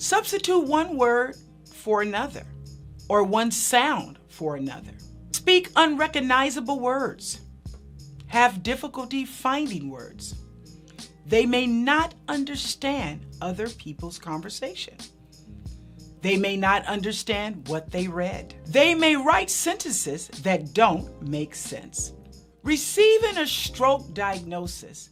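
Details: Adult woman speaking; no disorder.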